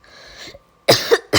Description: Hi I apologize for all the coughing and sniffling I’m currently sick